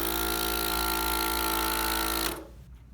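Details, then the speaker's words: DeVilbiss portable suction machine briefly switched on for demonstration: loud steady motor hum and buzz for about two seconds, then stops when switched off. "Your on-off switch, just going to turn it on real quick because it's loud."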